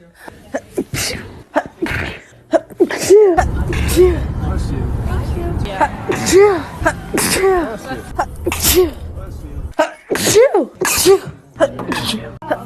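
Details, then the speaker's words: Adult with summer hay fever, sneezing nonstop for about 2 hours, with itchy eyes, a very blocked nose and trouble breathing: a rapid run of forceful sneezes with sharp gasps between them, a sneezing fit. "I'm sneezing, and I can't breathe. My eyes are itchy. My nose is so blocked, it's unreal. Just sneezed about 25 times in a row."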